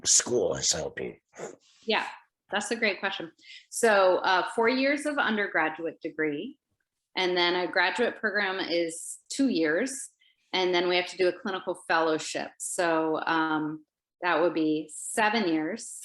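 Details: Adult woman speaking; ordinary speech.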